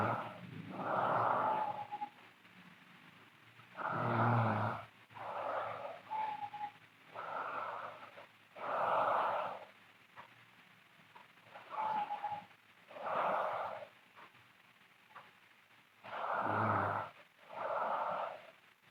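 Loud rough snoring on breaths roughly every few seconds, about 13 a minute, some with a whistling edge; heavy snoring.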